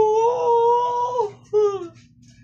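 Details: Sleepy baby girl crying with a sustained wail, then a shorter falling cry; caregiver says she cries because she is already sleepy; infant cry.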